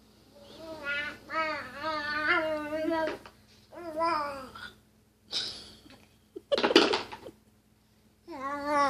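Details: A child's babbling and squealing vocal noises, then a short harsh retching burst: a gag; the parent is unsure what is going on.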